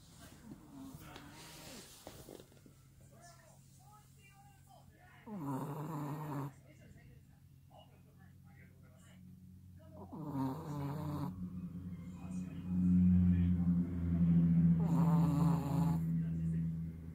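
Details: Sleeping pet Chihuahua snoring: loud, rough, rattling breathing noises that grow louder over time; very heavy snoring.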